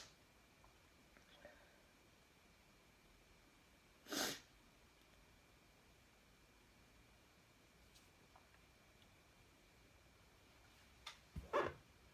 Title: Synthesis of induced sneezes for experiments 4